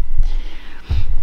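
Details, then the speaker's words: A sleeper who has not moved for hours snores. "fait je sais pas combien d'heures que je suis assise à mon bureau il a pas bougé et ronfle gros lardon"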